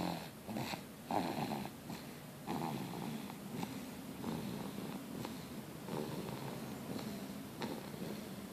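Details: Light snoring: soft, snuffling, purring snores with small snorts, fairly continuous and irregular.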